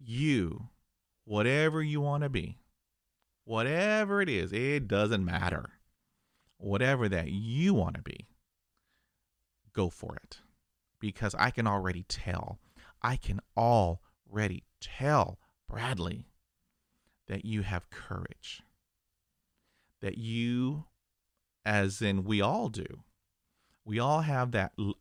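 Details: Adult male who stutters; stuttering.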